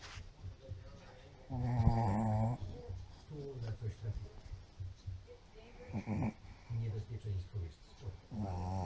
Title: Mops FUNNY chrapie/ Pug snores compilation